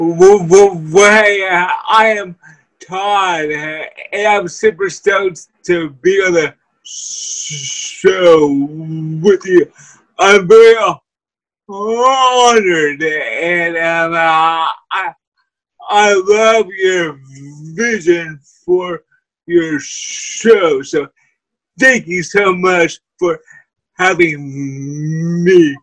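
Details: Dysarthria in a person with cerebral palsy.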